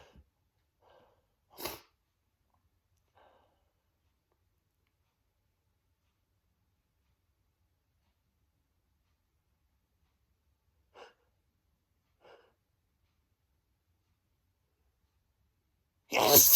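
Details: Man sneezing on himself, huge desperate sneezes: a sharp forceful sneeze, a few soft breaths after a long quiet, then the onset of another loud sneeze.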